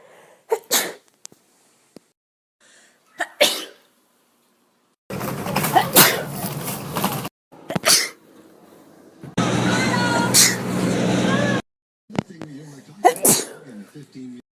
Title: Sneeze Recordings